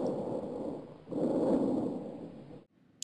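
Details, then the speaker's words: Normal tracheobronchial breath sounds heard with the stethoscope diaphragm: loud, hollow, harsh airflow over the trachea with a brief gap between breaths. "Now an adventicious sound known as crackles and a normal tracheal bronchial sound."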